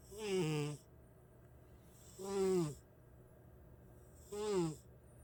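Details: Cat snoring loudly while asleep, loud enough to wake the owner every night.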